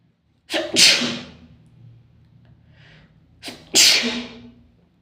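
Two sharp sneezes, each with a quick inward breath before a loud explosive burst; ordinary sneezing.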